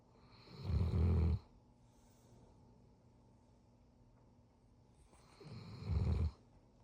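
Two deep, rumbling snores on the in-breath, about five seconds apart, with quiet breathing between: ordinary snoring.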